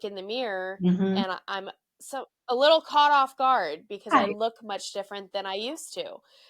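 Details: Adult woman with neurological spasmodic dysphonia of no known cause, with abductor and adductor features that worsen with stress; breathy breaks and cut-off vowels; spasmodic dysphonia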